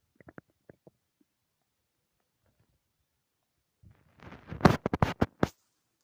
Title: Loud stomach growls